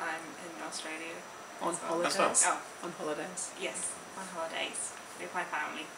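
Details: Young woman from the UK who had an ischemic stroke at age 18 and lives with aphasia affecting speech, writing, reading and numbers; aphasia.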